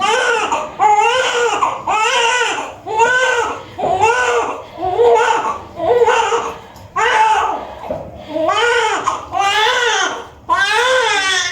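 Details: Baby boy just delivered at 6:23 pm in a normal vaginal birth: strong, rhythmic newborn crying, about ten cries in rapid succession with clear voice; a vigorous cry just after birth.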